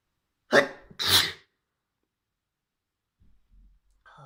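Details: Trans girl inducing messy sneezing by tickling her nose with a fluffy white feather: two forceful sneezes in quick succession with a short wet inward breath before the second, then quiet.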